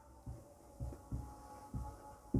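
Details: Soft low heart thumps with an extra sound just before the first heart sound; fourth heart sound (presystolic gallop), described as always pathological.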